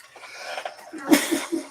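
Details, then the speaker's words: Single adult sneeze during a podcast recording, directed into an insulated wall: faint lead-in breath, then a sudden noisy burst of air with short trailing puffs and faint room noise. "did you hear that echo from his sneeze, by the way? I muted my mic. Apparently, it did not work."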